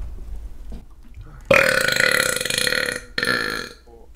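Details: Voluntary, repeated burping while gaming: a long, loud, rumbling belch followed by a second, shorter one.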